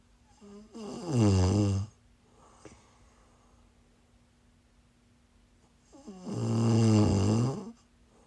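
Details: Two loud, rattling in-breath snores about five seconds apart with quiet breathing between, recorded during a live stream while the snorer was sleeping and sick: snoring.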